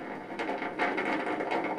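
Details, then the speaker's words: Needle EMG of the biceps during voluntary contraction: dense crackling, popping static swelling in bursts as motor unit potentials fire, getting louder with harder effort (slightly painful), a normal recruitment pattern. "So now I'm gonna contract my bicep muscle, my beach muscle, and you'll hear the motor units firing. Isn't that cool? And the harder I go, the louder it gets, and that hurts a little bit."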